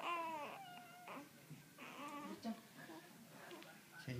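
Brief whimpering, fussy infant cries with babbling, heard indoors; an ordinary fussy cry.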